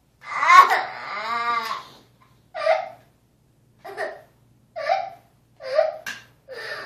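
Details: Young child crying after being hit by his little brother: wailing cry followed by short sobbing bursts with pauses between them.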